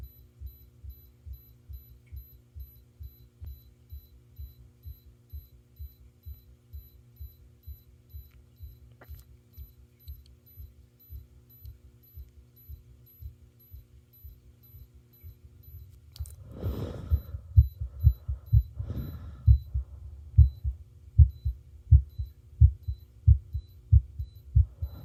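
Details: Normal heart sounds recorded alongside an ECG: a steady, regular heartbeat at about 90 beats a minute with some brief handling noise.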